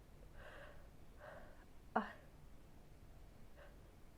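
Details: Two gasping in-breaths, then one sharp sneeze and a faint later breath; seasonal allergy sneezing during the fall change of seasons.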